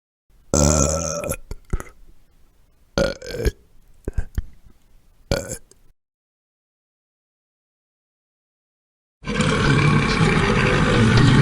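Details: Burping from a royalty-free sound-effects compilation: several loud, low, drawn-out belches in a row, then a long burst of noise after a pause.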